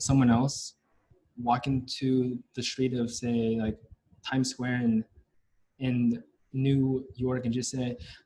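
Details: Stuttering in a male senior university student, present since about age five or six, with blocks and getting stuck on sounds; his biological father and maternal grandfather also stutter.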